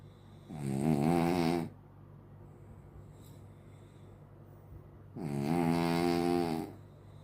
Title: Dog Snoring Like Human 🤣 #shorts #funny #trending